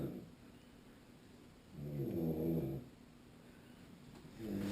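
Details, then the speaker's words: A person snoring at night at a get-together: a really annoying snoring sound. "in case you guys can't hear that really annoying sound that's dark matter snoring"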